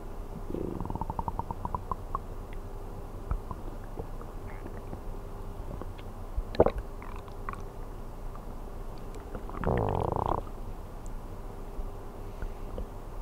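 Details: Stomach sounds recorded while sleeping on an empty stomach: gurgling growls with a rapid bubbling run near the start and a louder rumble later, over a faint steady hum; normal hunger bowel sounds.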